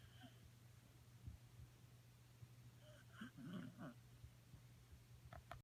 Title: Snoring Dog